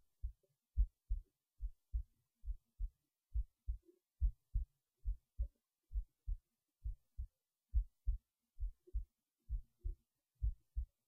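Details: Heartbeat while resting in bed late at night before sleep: soft, regular paired low thumps at about 69 beats a minute in near silence; normal resting heartbeat.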